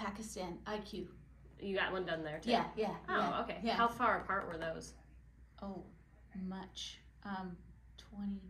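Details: Adult women in conversation; typical speech.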